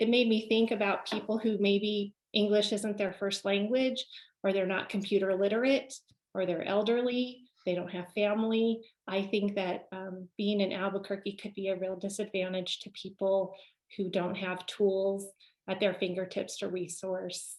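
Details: Adult woman speaking; normal speech.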